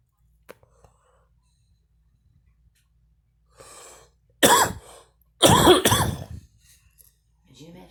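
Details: Woman coughing while smoking; a soft breath in, then two harsh, voiced coughing bursts.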